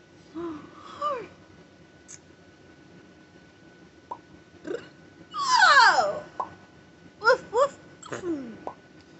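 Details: Tic attack in a parent of five after a stressful day of phone calls, while being treated for an ear infection with antibiotics, steroids and Tylenol, Benadryl stopped: irregular squeaks, yelps and hiccup-like bursts in a quiet room; vocal tics.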